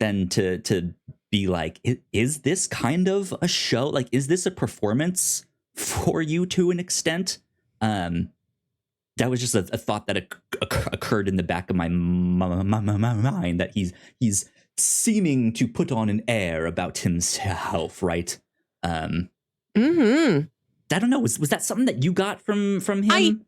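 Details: Male podcast host who says he has a speech impediment and stutters; stuttering.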